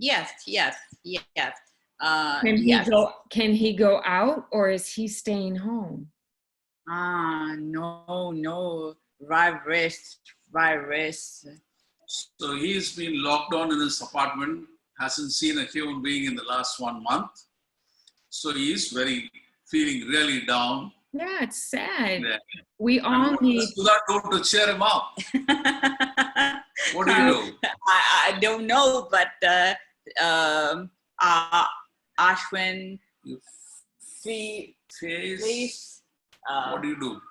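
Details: Aphasia in an adult woman from India who is a stroke survivor, with the stroke apparently about five years ago.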